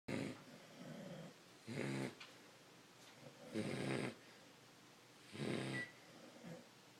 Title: Snoring Beagles